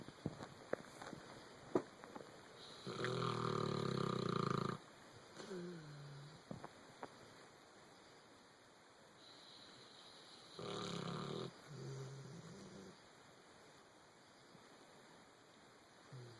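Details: Sleeper snoring while dreaming: two rough, buzzing inhaled snores with soft sighing out-breaths between, plus a few small whimpers and sniffs; snoring during dreaming sleep.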